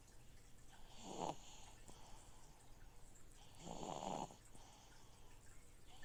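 Two short snoring breaths about two and a half seconds apart over a steady bubbling water-filter noise: snoring during sleep.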